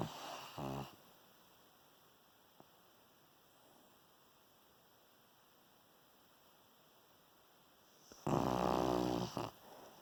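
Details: Dog snoring while asleep, possibly dreaming: two brief rattling, fluttering snore bursts separated by a long quiet pause, likened to a "fart machine"; snoring.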